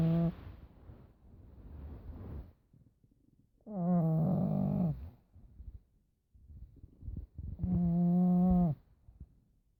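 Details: Pug snoring with loud, rattling, droning snores about every four seconds (roughly 16 a minute) and quiet snuffling breaths between them, as in a sleeping dog.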